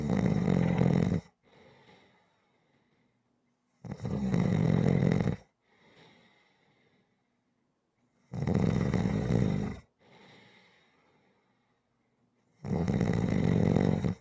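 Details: Rhythmic ordinary snoring for relaxation audio: loud regular snores on each inhalation about four seconds apart, roughly 14 breaths a minute, with soft exhalations between.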